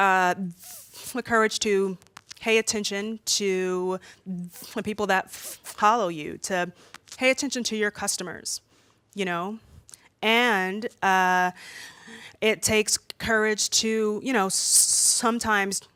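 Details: Adult woman who says she stutters much more when nervous speaking in front of an audience: stuttering.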